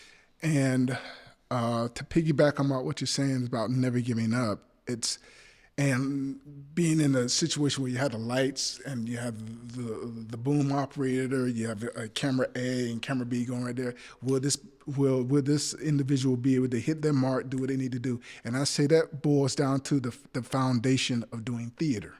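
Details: Adult male actor with a speech impediment, stuttering in conversation; he notes it happens when trying to remember things: stuttering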